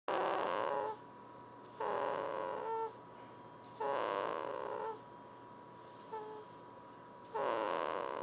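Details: Baby asleep: soft, hissing snores about a second long, repeating roughly every two seconds over a steady background hum; snoring.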